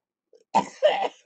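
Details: A soft sound, then two forceful, rough, rattly coughs: productive cough during lower-lobe chest therapy in cystic fibrosis, with the sore, weaker left side, which the patient says they have been coughing blood from.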